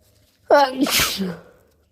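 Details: Single voiced sneeze in someone with the flu: a sharp inward catch, then a forceful hissing burst.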